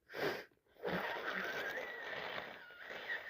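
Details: A short inward breath, then a forceful wet burst trailing into a long spraying hiss: a sneeze from a congested person with a head cold, nose red and hard to breathe through.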